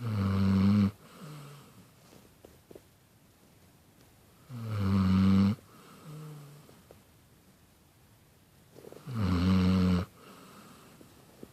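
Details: Loud, deep snores about every four to five seconds with softer exhaled snorts between them; steady snoring at about 13 breaths a minute.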